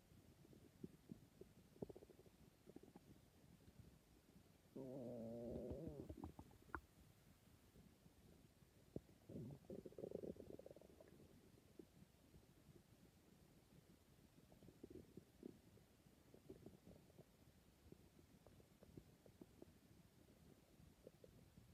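Low gurgling and rumbling bursts with scattered clicks from an adult's stomach, ordinary stomach growling.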